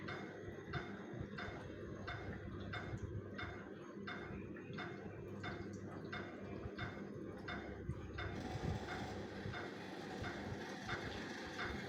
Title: ## Hospital Cardiac monitor sound 🏥🦺